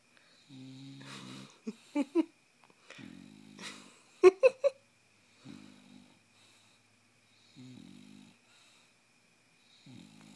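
Repeated rattling, snorting breaths about every two seconds with a few sharp snorts between; noisy snoring-type breathing in an awake dog.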